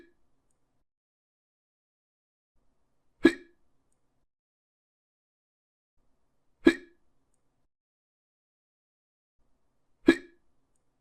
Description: I got this idea because i was hiccuping too much